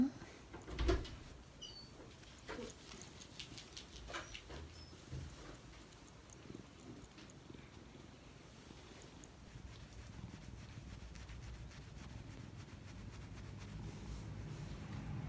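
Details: Purring from Kuro, a relaxed cat, being handled: soft, steady low rumbling growing louder toward the end, with some handling noise; a normal contented purr.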